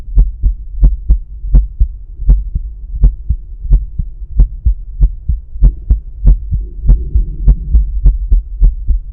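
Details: Stethoscope at the pulmonic area during breath holds, steady lub-dub heartbeat at about 80 a minute with background music; normal heart sounds.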